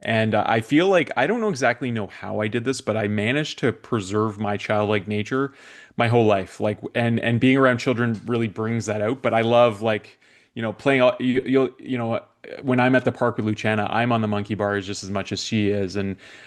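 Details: Adult man speaking; normal voice.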